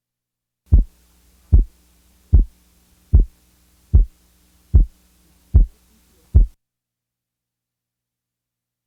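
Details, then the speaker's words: Second heart sound split by a 25 ms interval, split on inspiration and usually single on expiration, best heard at the left base with the diaphragm; split second heart sound. "the following example repres presents a second sound splitting interval of 25"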